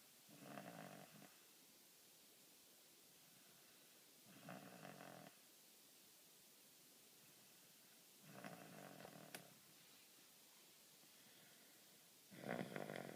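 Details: Four soft, rasping snores about four seconds apart, roughly 15 breaths a minute, over quiet room hiss; snoring during sleep.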